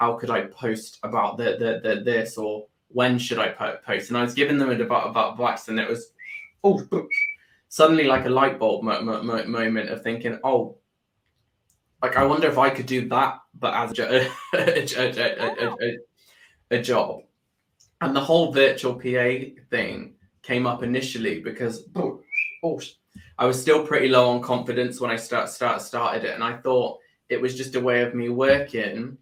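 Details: Adult man with Tourette syndrome that began about four years earlier after seizures and brain swelling, with motor and vocal tics and a stammer that followed a loss of speech; stammer with vocal tics (Tourette syndrome).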